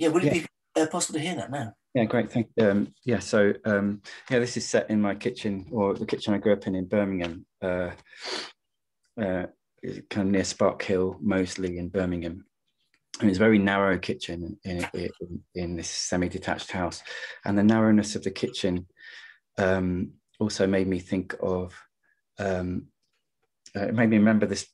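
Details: Stammering in an adult male poet, with word repetitions such as 'my my' and 'and and'; he links his stutter partly to caring too much about what he was going to say.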